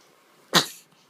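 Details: A single sharp, explosive sneeze from a small animal in a quiet room; sneezing.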